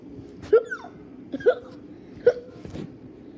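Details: Three short, sudden, squeaky gulps over about two seconds, unevenly spaced; hiccups from a person during playful role-play recording.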